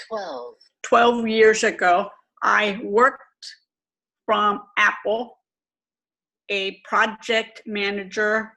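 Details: Aphasia with apraxia of speech, self-described as severe, in an adult woman twelve years after a stroke.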